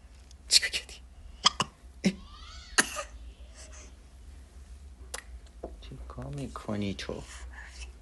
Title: baby hiccups 💞